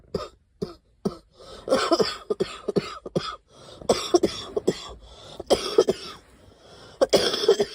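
A run of short coughs, single and in clusters, with brief pauses between.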